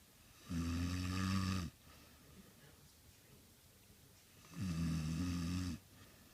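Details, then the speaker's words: Woman asleep: two long, loud, buzzing snores about four seconds apart, with quiet between; heavy snoring in sleep. "What? Why are you snoring? I'm not. Who is snoring?"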